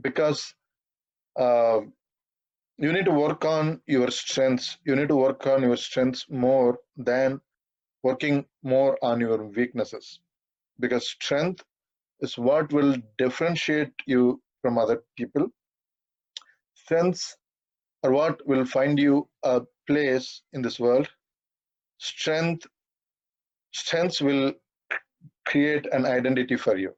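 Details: 42-year-old man who has stammered all his life, through school, college and work, stammering occasionally while speaking; stuttering.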